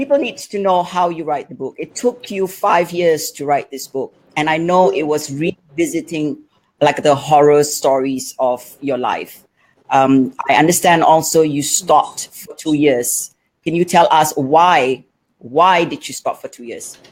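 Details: Adult speaker; normal speech.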